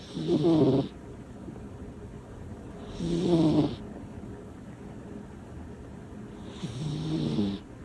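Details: Small female cat snoring while asleep: three loud rattling snores about 3 seconds apart, with quiet breathing between them.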